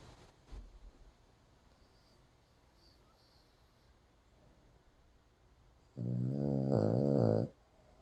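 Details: Dog snoring while it rains outside with the windows open: quiet room noise, then one loud, buzzing, rattly snort lasting about a second and a half.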